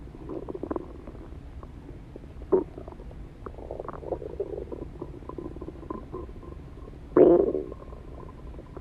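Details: Irregular gurgling, bubbling stomach rumbles with a few louder squelching surges; ordinary stomach growling (borborygmi).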